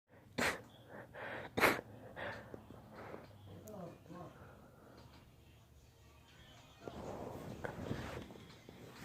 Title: My daughter's allergy sneezing